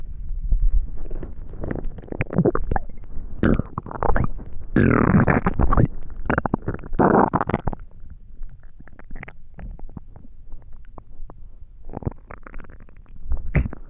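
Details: Loud, deep, continuous gurgling and rumbling from an extremely hungry stomach; ordinary hunger growling (borborygmi).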